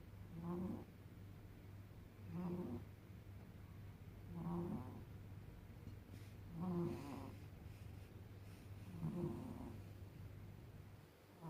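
Regular, quiet snores from a sleeping cat, roughly 27 a minute, each a short nasal rattle over steady low background hum.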